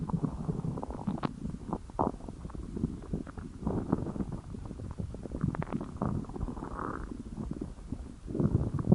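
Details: Hungry stomach growling: low, bubbling gurgles and rumbling growls that come and go over several seconds.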